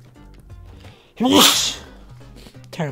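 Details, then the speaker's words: A single sudden adult sneeze from the gamer, who apologizes for it afterward. It has a voiced onset bursting into a loud, hissy blast over quiet game music. "sorry about that sound that was me sneezing let's go huh i thought one of them had died"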